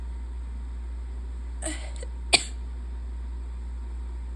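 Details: Allergic sneezing on a high-pollen day with an open window: two brief sneezes over a steady low background hum.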